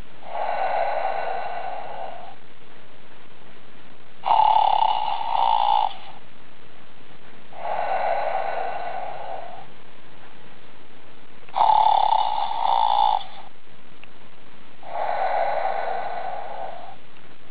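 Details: Even, steady alternating in-and-out snoring, each breath about two seconds; snoring bear.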